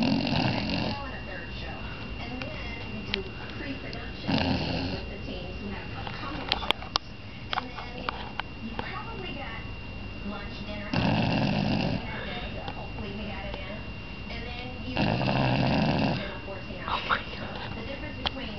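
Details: Five-month-old female golden retriever puppy in foster care, fast asleep and snoring: rough, rattling snores at irregular intervals with faint room noise between; ordinary snoring.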